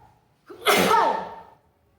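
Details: A single sharp, explosive sneeze with a quick in-breath and fading voiced tail in a quiet room; tickle-induced sneezing.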